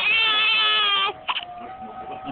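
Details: A newborn with hiccups gives a high, sustained wailing cry that breaks off, followed by a short catching sound and quieter fussing: infant crying.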